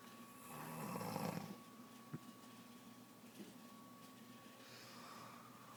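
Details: Pregnant woman's snoring that began soon after becoming pregnant: one loud, rough inhaled snore, then quiet breathing with faint noises in a small room.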